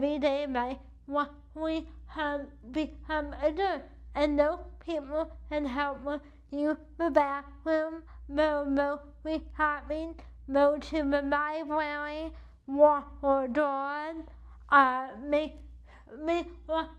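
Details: Adult woman with cerebral palsy affecting the right side of her body, with right arm weakness and wheelchair use; she states CP affects her speech; dysarthria (cerebral palsy).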